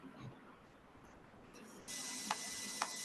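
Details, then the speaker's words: Fasciculation potentials on needle EMG, played in a neuromuscular lecture: a steady hiss with two separate, irregular sharp pops, like slowly falling drops. "whereas when you hear the fasciculation potentials it's more like drops falling tock tock tock talk"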